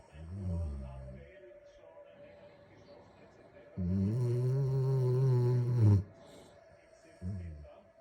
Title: Magyar Vizsla snoring